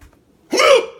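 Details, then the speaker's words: A single sharp, voiced, squeaky hiccup with abrupt onset after near silence, from a person with out-of-control hiccups. "I'm trying to cook something that's the craziest hiccup ever what it's not my fault"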